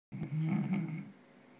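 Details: Father snoring while asleep, recorded with a microphone and played through a speaker; a single low, rattling, buzzing snore lasting about a second.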